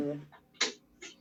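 Two brief breathy bursts, then a sustained nasal, bleating voiced sound over the chest: egophony.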